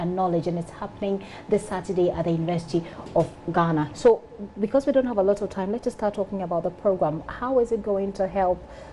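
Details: Adult woman, news presenter; typical speech.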